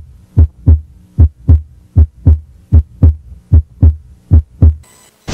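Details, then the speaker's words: Steady paired lub-dub heart sounds, crisp and regular, heard at the apical pulse during a head-to-toe nursing assessment; normal S1 and S2, apical pulse reported as 82. "observing heart tones are checked by listening to the apical pulse checking the apical pulse for rate rhythm and clarity of the sounds of the s1 and s2 part of the heart"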